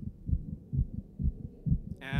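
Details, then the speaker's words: Regular low thumps about every half second, roughly 130 a minute, ending in a brief noise burst: the presenter's own heartbeat from a digital stethoscope strapped to the chest while documenting a performance. "of my own heartbeat during the documenting process which I capture with this digital stethoscope strapped to my chest"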